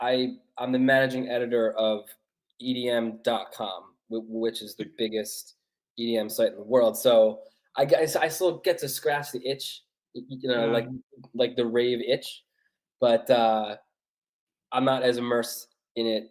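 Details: Adult man who has stuttered since childhood, speaking English; stuttering.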